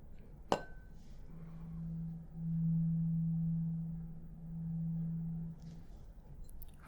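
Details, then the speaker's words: Tuning fork tone, lowest-frequency fork (below 256 Hz) struck for a simulated role-play hearing test; sharp strike then soft low hum that swells and fades; 256 and 512 Hz forks follow. "I also have a 256 Hertz tuning fork right here as well as a 512 Hertz tuning fork right here okay excellent we're going to start with the lowest tone and do remember it may be a little hard to hear"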